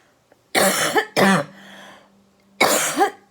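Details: Productive cough.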